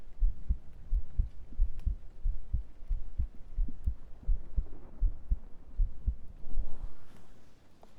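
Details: Soft, steady low thumps at around 75 beats a minute, with faint rustling toward the end, recorded through a microphone during an ASMR stream heartbeat segment; normal heartbeat.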